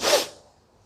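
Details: A single sharp, hissy sneeze burst that fades quickly, set off by a bay leaf (tej patta) during a sneezing challenge.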